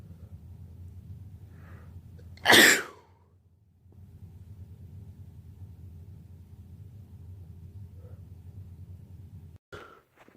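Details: One loud, explosive allergy sneeze, then a brief quieter sound, over a low steady room hum; part of a day's collection of birthday allergy sneezes.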